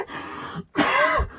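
A child gives a short, harsh throat-clearing sound, then a louder single cough after a brief pause.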